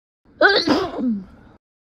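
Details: Simulated sneeze sound effect from a sneezing video game playthrough: a single voiced sneeze, sharp intake then a burst trailing into a groan.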